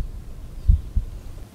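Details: Normal heart sounds auscultated at the pulmonary area with the stethoscope during a student's cardiovascular examination of a volunteer with no pain: two low thuds per beat, quiet gap, no added noise.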